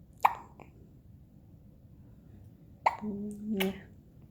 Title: Hiccups need Spooks